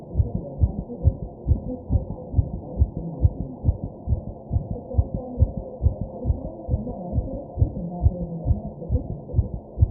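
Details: Person taking deep breaths: rapid, regular low heart thumps at about 135 beats a minute: fast heartbeat (tachycardia).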